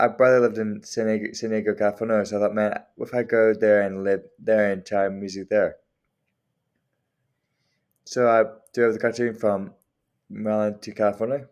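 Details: Adult man nine years after traumatic brain injury from a five-story cliff fall (fractured skull, two-month coma, partial left-side paralysis, weaker left tongue side); mild dysarthria.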